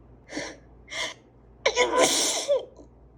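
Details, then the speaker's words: Two short in-breaths, then a forceful, explosive sneeze with a drawn-out burst of air; adult with allergies in a repeated sneezing fit. ">> Wow, they are so strong. Bless you. >> Thank you. >> Wow, it must be hard to to to have to sneeze in public with sneezes like that."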